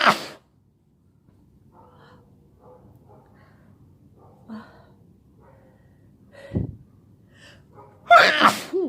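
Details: Sick person with a headache sneezing all day: several forceful sneezes separated by quiet breathing, ending in two sneezes close together, a sneezing fit during illness.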